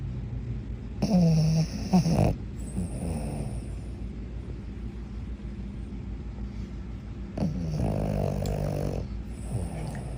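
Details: Sleeping small dog (tagged pug/shih tzu) snoring: irregular snorting, rumbling snores with quieter breathing between them, ordinary sleep snoring.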